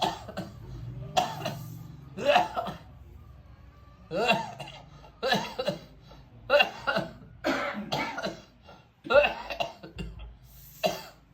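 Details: Man with lung cancer and a chronic cough of about 2 years, during an alternative therapy session: repeated harsh cough bursts in short bouts, with breaths and brief throat sounds between; persistent chronic cough.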